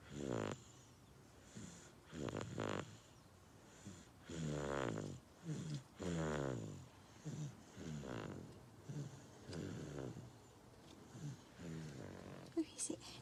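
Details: Soft, irregular snoring and snorting breaths from a sleeping female dog in a quiet room, asleep after skipping her daytime nap; snoring.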